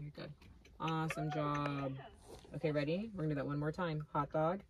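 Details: Adult woman; normal speech.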